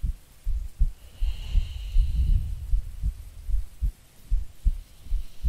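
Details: Soft low heartbeat thumps, roughly 80 a minute, from an ASMR creator playing a sleepy girlfriend, recorded as a sleep aid under steady rain with a faint rumble; normal resting heartbeat.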